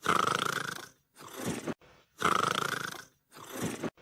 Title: Wan-chan sleeping and snoring